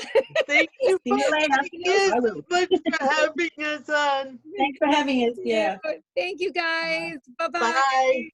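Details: Dysarthric speech in an adult woman with spastic quadriplegic cerebral palsy who uses a wheelchair.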